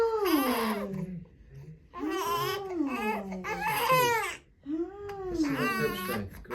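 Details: Infant boy crying as the chiropractor begins checking his cervical spine for a right head tilt during his first adjustment: several rising and falling wails with brief breaths between, in a small room.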